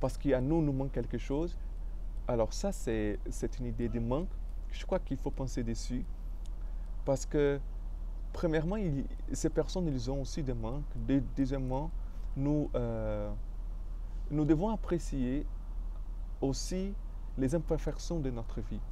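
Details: Adult male French speaker with stuttering, which he describes as having blocked him.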